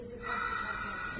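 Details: A brief airy hiss of gas flow swelling and holding: one ventilator in pressure control mode, inspiratory pressure capped at 25, delivering a breath through shared tubing set up for seven patients.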